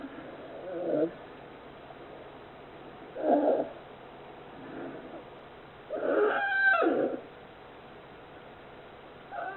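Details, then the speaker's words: Polar bear cub, 41 days old, born in an aquarium, sleeping: rhythmic, rough snoring about 18 breaths a minute; snoring. "this is the sound of snoring. This is probably the sound of snoring."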